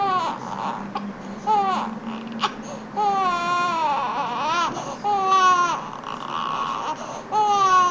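Repeated rising and falling wails from a crying infant, with brief breaths between cries and faint room noise.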